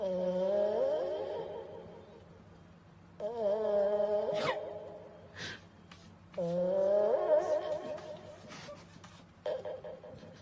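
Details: Sleeping cat snoring, caught on microphone, with a whistling, whiny tone on each breath, about 19 breaths a minute.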